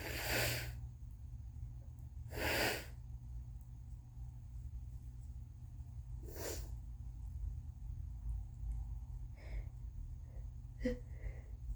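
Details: Person on day 2 or 3 of a bad cold, very congested: long, breathy buildups, then three loud sneezes followed by sniffs and soft breaths, with a steady low hum behind; congested sneezing fit.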